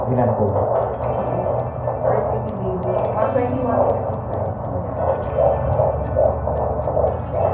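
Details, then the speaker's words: Fetal heartbeat on Doppler at a check-up with the doctor, pregnancy about 3 to 3.5 months: rapid, rhythmic, strong whooshing pulses over a steady hum, roughly 120 to 150 beats a minute. "Tapos yun pala kanina nung pinakinggan namin nito doc yung heartbeat ni baby. Ayan flash natin. Ang lakas ng heartbeat niya."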